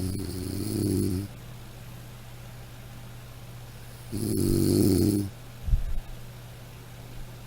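Two rumbling snores about three seconds apart over a steady low hum; snoring from a sound effect recording.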